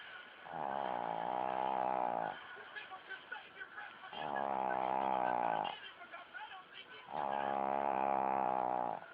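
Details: Pug snoring: three long, rattling, buzzy snores on the in-breath with quieter snuffling between, about 20 breaths a minute; loud dog snoring.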